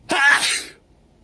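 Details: Staged, simulated allergy-attack sneeze by a male character with severe pollen allergy during a flower dissection class: a quick intake, then a sudden hissing burst of air and voice fading within a second.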